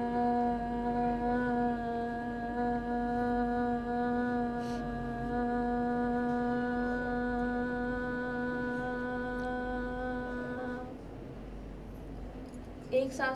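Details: Speech therapist demonstrating a maximum phonation exercise for ataxia patients: a deep abdominal breath, then a sustained "aa" for the whole exhalation, normal duration 14–16 seconds; normal sustained vowel phonation.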